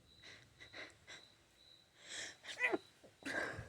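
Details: Short sniffs and breaths build to a forceful sneeze, then a second burst like nose blowing, from allergies: allergic sneezing.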